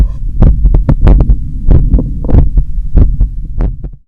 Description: Strong and visible carotid pulse after a long run in the summer heat. Heart sounds recorded from the chest, at the apex.